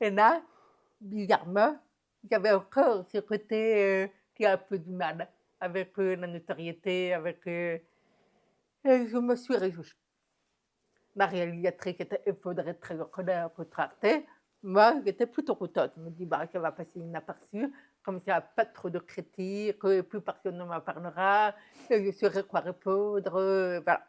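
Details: Deaf speech of an adult woman with profound deafness, the last fourth-degree subcategory just above total deafness, diagnosed at 9 months; she realized her degree of deafness at 18 and learned speech through thousands of hours of speech therapy plus lip reading.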